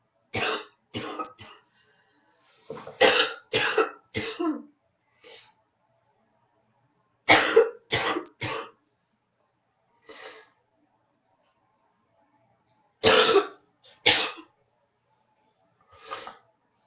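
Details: Bouts of short, harsh coughs with some throat clearing from an adult who woke up congested with a morning head cold.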